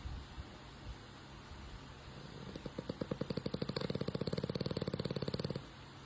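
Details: Young French Bulldog snoring while asleep: quiet breathing, then a fast, steady rattling purr-like snore of about 2.5 pulses a second for three seconds.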